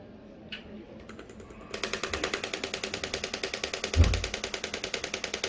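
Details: Radial extracorporeal shockwave device demonstrated on the arm with gel, squeezing while sliding, a technique said to cause bruising: rapid, steady mechanical clicking pulses like a fast typewriter, with one heavier thump.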